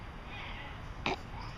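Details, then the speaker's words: Cat with hiccups: a single brief, sharp catch sound against quiet room noise, one hiccup. "oh no jimmy you got the hiccups yep that was another one they're silent now hiccups are tough aren't they"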